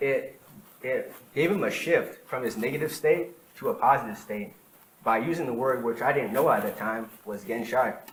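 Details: Real stuttering in an adult man who has stuttered for as long as he can remember, recorded during a talk sometime between 2013 and 2019.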